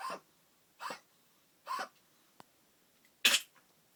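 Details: Chihuahua dog coughing: four short, dry, airy coughs with brief pauses between them.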